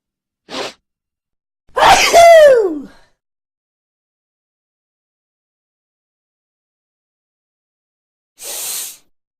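A quick breath in, then a loud voiced 'achoo' with a falling tone, and a softer breathy burst a few seconds later. Sneezing.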